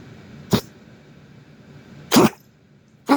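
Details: Cough from a dog: three short, harsh, explosive coughs spaced unevenly over about three seconds against quiet room noise.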